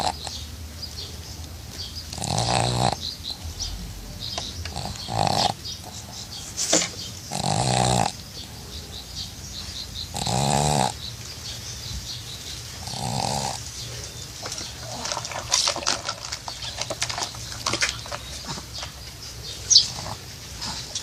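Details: A pug, a small dog, snores while asleep in loud, rasping bursts at irregular intervals, with quiet stretches between.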